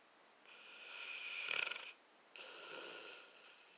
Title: Bruh snores